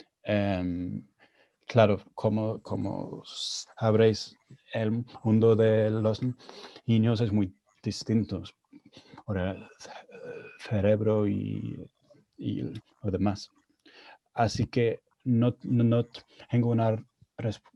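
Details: Adult man with stuttering, speaking Spanish, a second language he learned after moving to Spain at age 22; he reports his stuttering was more severe in Spanish.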